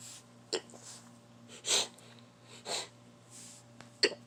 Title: I Just Woke Up Sneeze